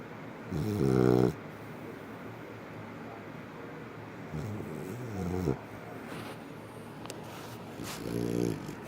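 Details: Sleeping Labrador Retriever snoring: three low, rattling snores over about nine seconds, each lasting about a second, with quiet breathing between.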